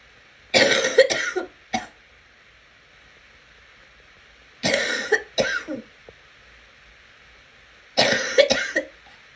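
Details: Person who is sick coughing in three bouts of two or three coughs each over steady background hum, getting wetter and looser as it goes on; wet cough.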